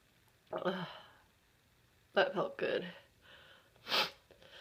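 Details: An adult who thinks they may be coming down with something, with a tickle in the nose, gives several short sneezes with sharp breathy bursts and quick in-breaths in a quiet room.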